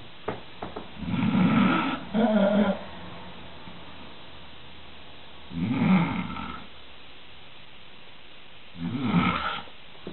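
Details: Found asleep on the stairs at 4 am: three slow, rumbling snores with quiet pauses between them, one drawn in two parts; irregular snoring in a small indoor space.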